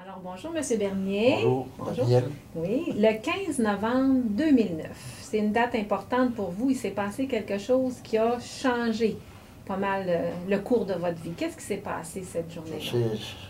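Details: Adult woman speaking French; normal fluent speech.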